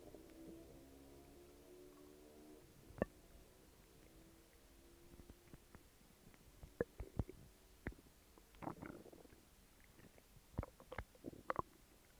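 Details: Stomach growls: a low, drawn-out rumbling growl followed by irregular soft gurgles and pops; ordinary bowel sounds (borborygmi).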